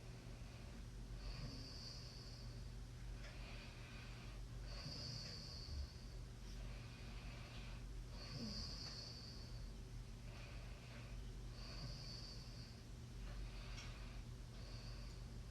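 Quiet, hissing breath sounds repeat roughly every three to four seconds against steady background hum: soft snoring during sleep.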